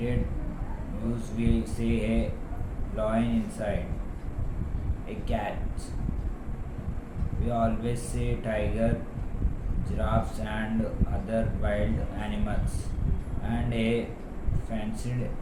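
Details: Male patient reading a standard passage; voice formerly thin and high-pitched, became very low-pitched and harsh after thyroplasty (vocal fold) surgery, later normalized after 20 voice therapy sessions; harsh low-pitched voice (dysphonia) after thyroplasty.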